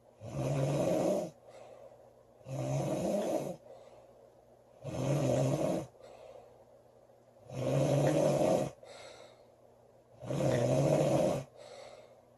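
Loud, rough snores on each breath in, about 23 a minute, with softer breaths out between them; steady snoring.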